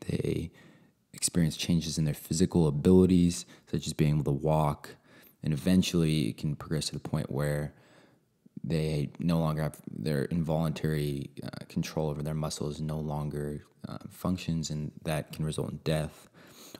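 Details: Adult male speaker; normal speech.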